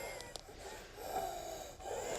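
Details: Labored deep breathing with faint high-pitched whistling on the airflow while a 55-year-old man with chronic cough, sudden breathlessness, chest and upper back pain, on prednisolone, takes deep breaths for chest auscultation; wheeze.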